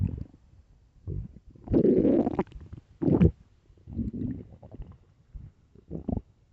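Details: Loud gurgling, rumbling bursts from an extremely hungry, empty stomach; normal stomach growling (borborygmi).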